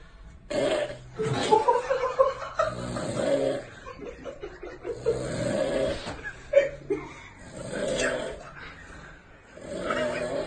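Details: Man snoring during sleep while friends prank him; snoring.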